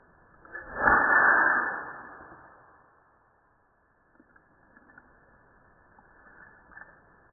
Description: Fred the cat has a sneezing attack!